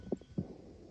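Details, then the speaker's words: Teaching clip in valvulopathy lecture: S1, S2, then a soft blowing decrescendo diastolic murmur starting right after S2; aortic regurgitation murmur. "so it's s1 s2 so you can see that the murmur you know hits s1 and the murmur starts right at right after s2 and it's a uh decrescend"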